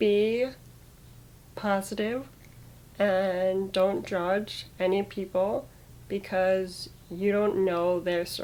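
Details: Aphasia after stroke at age 22 that paralyzed her right side and took away her speech, in a young woman who also has muscular dystrophy; recorded during recovery, with word choice her hardest part.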